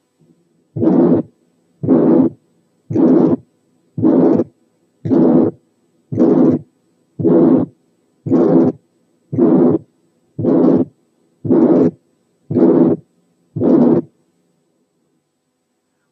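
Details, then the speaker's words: Very long ejection systolic murmur, harsh and nearly filling systole, regular about 57/min, approaching a pansystolic sound and hard to distinguish from one. "لما الايجكشن مرمر تبقى طويلة قوي، تقرب شوية من صوت البانسيستوليك زي الحالة اللي"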